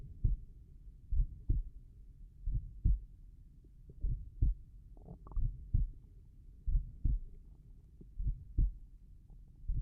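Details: Slow, evenly paired lub-dub heart sounds at about 46 beats a minute, recorded over the tricuspid area while lying down; slow heartbeat.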